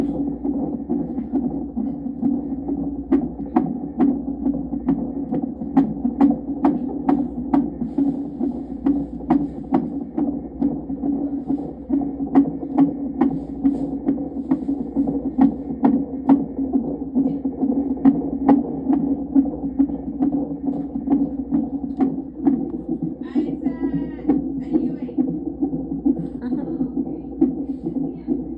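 Rapid, regular whooshing pulses of a fetal heartbeat on Doppler, about 136 beats a minute.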